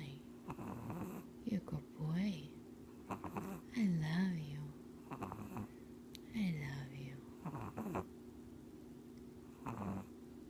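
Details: Sleepy Japanese Chin puppy fighting to stay awake, eyes open, with soft snorting snores and small whining breaths over a steady room hum; sleep snoring.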